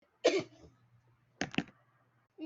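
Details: Two short, forceful adult coughs, acted for comedic effect in a skit; cough.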